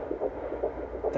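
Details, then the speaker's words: Fetal heartbeat heard on Doppler: rapid, rhythmic whooshing pulses at roughly 140 a minute over a steady background hiss; the baby had moved before the heartbeat was found. "the bonus is you get to hear the baby's heartbeat if you sticked around this whole time so i'm gonna go ahead and slide that in"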